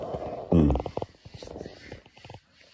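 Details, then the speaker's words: Bowel sounds (borborygmi) from an adult with lactose intolerance, still gurgling after about 20 minutes on the toilet after lactose: a loud gurgling rumble, then irregular bubbly pops and squelches. "i've already been here about 20 minutes already and it's still gurgling but that's what mike toss"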